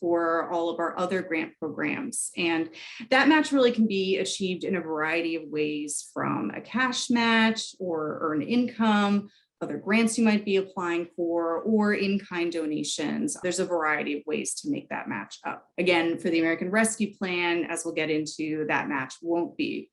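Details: Adult woman; typical speech.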